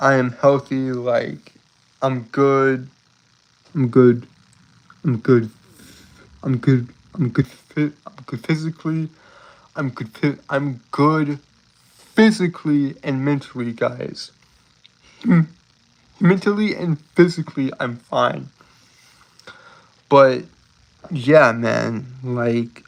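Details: Adult male streamer with a self-reported speech impediment causing stuttering and tripping over words, with frequent phrase repetitions; stuttering.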